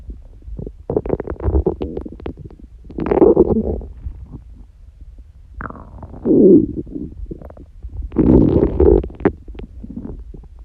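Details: Person prone to frequent loud stomach noises, neither hungry nor with stomachache: long gurgling, squeaky rumbles in waves with quiet gaps, ordinary stomach growling (borborygmi).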